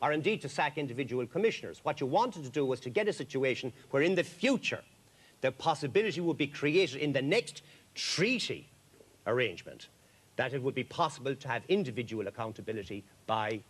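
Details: Adult man speaking; Normal speech.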